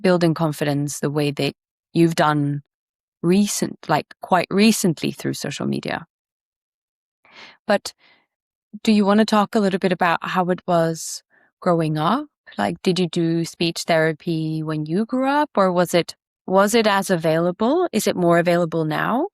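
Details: Adult speaker; typical speech.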